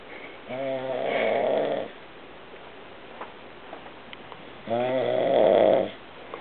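Two long buzzing, vibrating breath sounds about four seconds apart, with quiet in between; snoring.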